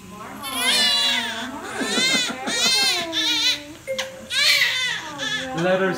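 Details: Baby boy just after normal vaginal delivery without epidural at 37 weeks, about seven pounds: loud, high-pitched crying in repeated bursts with breaths between; normal newborn cry.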